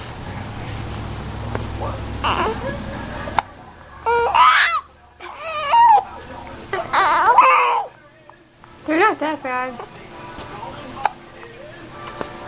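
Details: Infant upset by hiccups: fussy crying in short wailing bursts with whimpers between, in a small room; infant crying.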